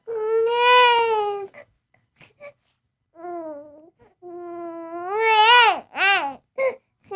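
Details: Royalty-free, studio-designed sound effect of an infant crying: loud, tonal wails with short gasping breaks, a typical healthy baby cry.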